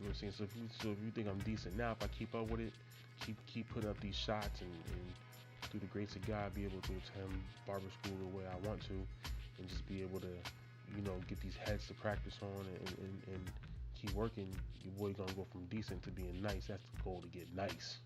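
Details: Stuttering in an adult man who has stuttered since early childhood and still does.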